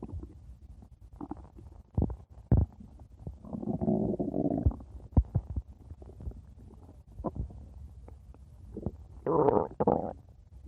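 Intermittent low rumbles and gurgles with scattered pops and bubbling; ordinary stomach growling.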